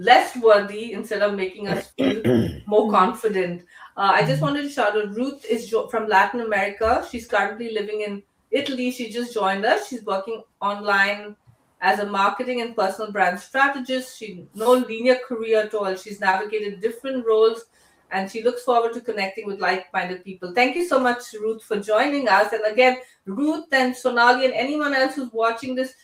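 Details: Adult woman speaking; normal speech.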